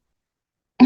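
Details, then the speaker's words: Two short, voiced cough bursts from an adult speech pathologist after failing to chew and swallow a nut efficiently, demonstrating a protective cough during a dysphagia exercise. "I'll probably end up coughing uh for the next 20 minutes because I haven't been able to eat this nut very efficiently."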